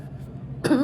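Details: An adult woman shopping a store clearance rack, apparently unwell: a low steady hum, then one short, slightly voiced cough burst; a single cough.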